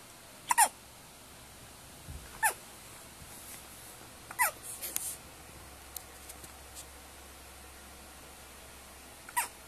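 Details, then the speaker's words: Short, sharp, squeaky hiccups at irregular intervals, about five in ten seconds, against quiet room noise; hiccups. "with the hiccups."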